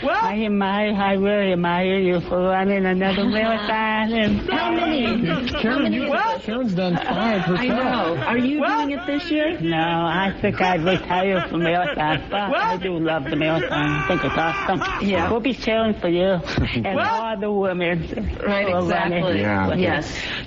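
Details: Deaf adult woman news reporter delivering a televised news report; deaf speech.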